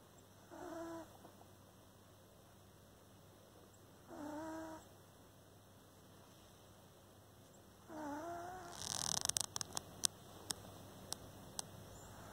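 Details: Pet cat snoring while asleep with its eyes open: three soft, tonal snoring breaths about every 3.5 seconds, roughly 17 a minute, followed by a few sharp clicks.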